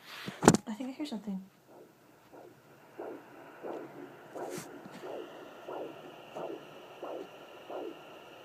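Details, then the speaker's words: Home fetal Doppler first attempt by a pregnant woman: regular whooshing pulses at about 88 a minute, which she thinks are her own rather than the baby's: maternal heartbeat on fetal Doppler. "I don't know if that's mine or if that's the baby's. I think that's mine."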